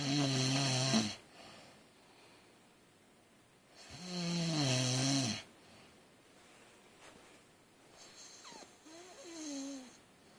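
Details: Sleeping adult husband: loud, rough snores on inhalation, two in ten seconds, quiet exhalation between, then a fainter shorter snore; heavy snoring.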